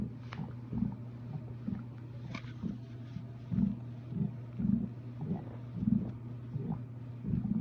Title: STOMACH NOISES😱